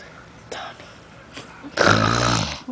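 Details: Quiet breathing, then one loud, rough, rattling snore on the breath in: snoring.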